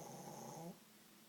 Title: Snoring Poochie Dog